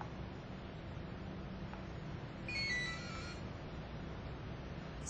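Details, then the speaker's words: Brief, quiet electronic start-up tone over steady room hum as a Mindray SK-500II syringe pump is powered on at the start of syringe calibration setup. "step 3 install the syringe for calibration or specification setting firstly press power key to start the syringe pump"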